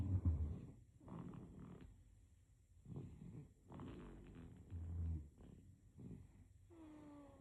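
Soft, low, rattly snoring noises with each breath during sleep, about four breaths heard; an infant snoring.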